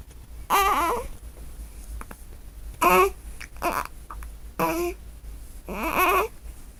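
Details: Newborn with hiccups: four short, fussy, wavering cries with pauses between them in a quiet room; infant crying.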